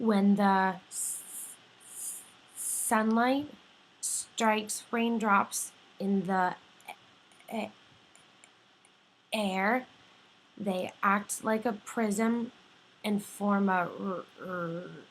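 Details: Imitated stuttering by a clinician reading a sentence, with three stuttering moments involving repetition, blocking and prolongation.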